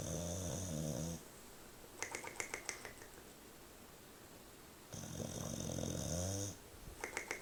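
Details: English bulldog snoring so loudly he woke his owner: two loud rattling nasal snores separated by quiet pauses with faint clicks: snoring.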